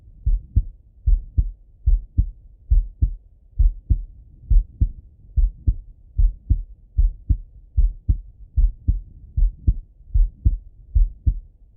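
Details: Male heart auscultated with a stethoscope, recorded sitting at a desk or lying in bed: steady lub-dub at about 72 beats a minute, normal first and second sounds.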